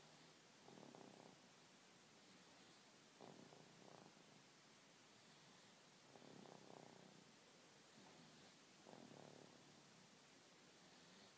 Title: Snoring baby